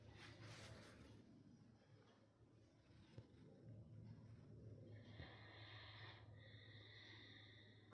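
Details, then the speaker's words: Great Dane asleep with a low, rough, rumbling snore, and faint high-pitched tones in the background. "That's not George snoring. It's Ludendorff."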